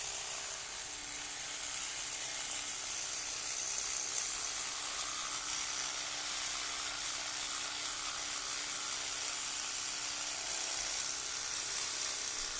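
Continuous buzzing whir of an electric toothbrush working in the mouth; normal operating sound of the rotating brush head.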